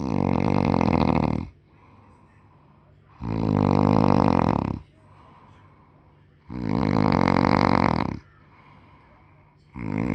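Loud, rough snores about every three seconds, each lasting over a second, with quiet breathing between them.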